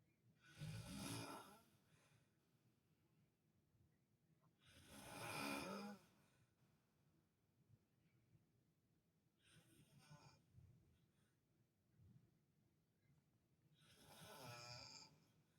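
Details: Father asleep in a hospital room while visiting his hospitalized child, snoring on even when nurses came in: loud rattling snores about every four to five seconds, some whistling and nasal.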